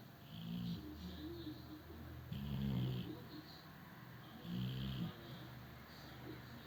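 Low, rattling snores repeating slowly, roughly one every few seconds, from a sleeping dog; ordinary snoring.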